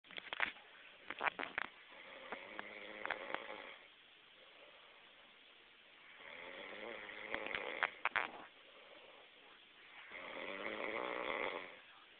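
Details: Snoring: three slow, rhythmic breaths, about five breaths a minute, with a rattling snore and clicking sounds.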